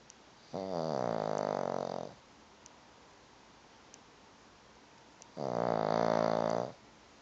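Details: Snoring again: two long, buzzing, rattling breath sounds with a quiet pause between them.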